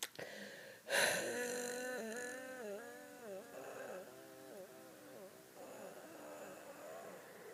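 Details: Single sharp cough followed by a long, musical, wavering wheeze lasting several seconds as air is pushed out; cough with wheezing.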